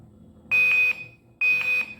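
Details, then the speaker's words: INFUSYS-S syringe infusion pump demonstration, 100 ml infusion: two loud high-pitched beeps about a second apart at 95 ml infused; near-empty alarm before infusion completes and KVO starts. "At 95 ml, we get a near empty alarm, and it's going to reach 100 ml."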